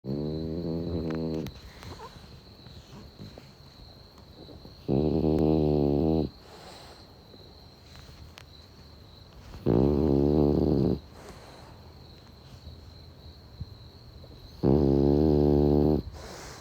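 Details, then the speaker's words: A sleeping French bulldog snores in loud, buzzing bursts about every five seconds outdoors at night, with summer crickets chirping steadily behind. "a video of the moon and the clouds dancing past it over the coffs harbour jetty forshaw for sure whilst my french bulldog snores and the summer crickets chirp in the background"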